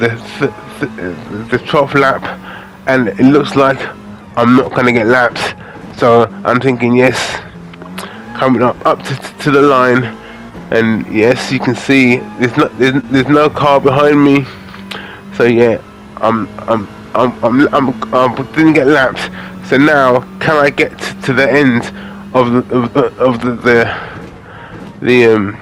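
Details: Aphasia in an adult man after a major stroke in August 2013; he commentates on a racing game as speech practice.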